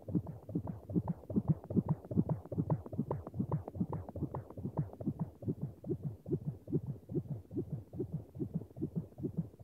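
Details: Sound-effect recording of a fetal heartbeat: rapid, regular whooshing thumps at about 145 a minute, as heard on a monitor.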